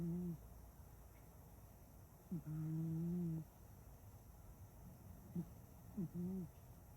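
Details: A female cat napping: soft, low, tonal snores with a slight whistle, repeating about every two to three seconds during sleep.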